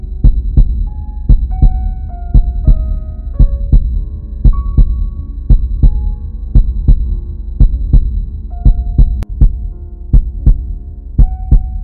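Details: Sound-effect recording of a normal heartbeat: steady, regular paired lub-dub thumps at about 57 beats per minute over a soft, sustained tonal hum.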